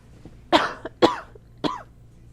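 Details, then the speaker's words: Three short coughs from an adult who says they sound very sick, each an abrupt burst with a brief voiced, slightly throaty tail. "Oh, good lord. I sound so sick. I'm sorry. Hopefully I don't sound too gross."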